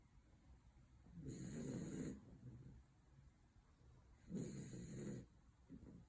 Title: Dachshund puppy Henry snores into the floor